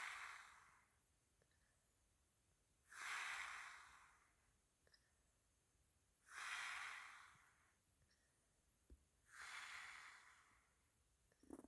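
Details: Soft, airy snoring that rises and falls evenly about every 3 seconds, roughly 18 breaths a minute, in a quiet room during sleep; snoring.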